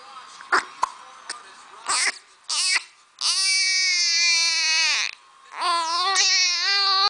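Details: Infant with hiccups: a few brief, sharp catches of breath followed by sustained, high-pitched crying.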